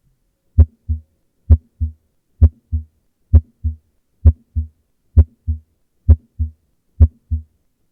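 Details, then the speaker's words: Normal heart sounds in a normal individual: regular lub-dub first (S1) and second (S2) sounds at about 65 beats a minute. "In terms of the audio quality, the S1 sound is often described as a lub sound, while the S2 sounds more like a dub. Let's have a listen to how this would sound in a normal individual."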